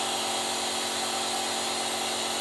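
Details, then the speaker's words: OLZVEL nebulizer compressor switched on for self-use with an adult mask, making a steady, loud mechanical hum and buzz while mist comes out of the cup; nebulizer compressor running. "On करके आप अपने आप को न्यूबलाइज कर सकते हैं।"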